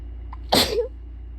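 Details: Single sharp sneeze with a quick inhaled lead-in and brief voiced tail, induced by nose-blowing with lotion-scented tissues; coughing also occurred.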